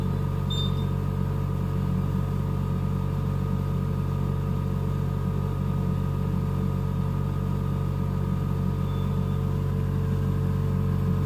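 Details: NICU neonatal ventilator running: steady low mechanical hum with a constant tone and no pauses.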